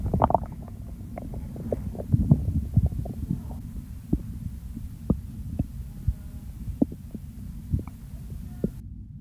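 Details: Real recording of hunger stomach growls during the hungry phase before eating: low rumbling with repeated gurgles and pops throughout, normal bowel sounds (borborygmi).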